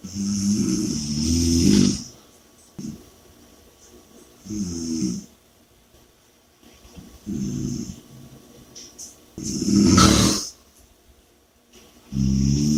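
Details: Loud, rattling snores recurring with each breath, with quiet pauses between; regular heavy snoring during sleep.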